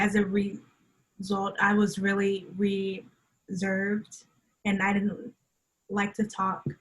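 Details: Adult woman who stutters, with onset at age three, speaking in a conversational interview: stuttering.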